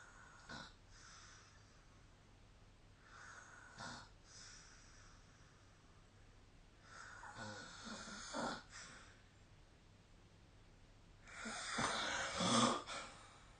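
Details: Quiet recurring rough, rattling breath noises during sleep, with louder snores near the end; snoring.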